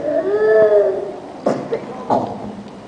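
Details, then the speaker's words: Child with two weeks of worsening paroxysmal cough, post-tussive vomiting, no significant fever, past asthma, father recently coughing: drawn-out high-pitched inspiratory whoop then two sharp coughs, whooping cough (pertussis). "third is oop that you have already listened to in the video clip"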